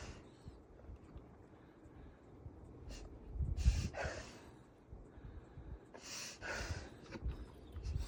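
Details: Black Labrador reverse sneezing: loud, harsh snorting inhalations in bursts.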